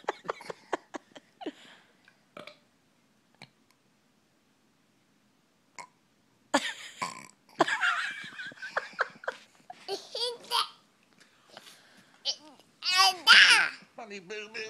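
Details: A run of repeated burps, some loud and voiced, with quiet gaps between bursts, from a brother being silly and burping deliberately.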